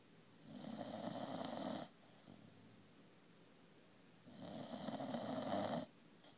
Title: Bulldog snore